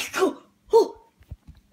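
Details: Sneezing with runny nose, watery discharge: two sharp explosive sneezes, each with a brief voiced onset and a hissing tail.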